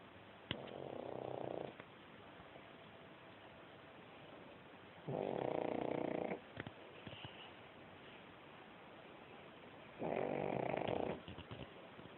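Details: Pug sleeping; three long, rattling snores about five seconds apart, roughly 12 breaths a minute, in a quiet room; steady snoring during sleep.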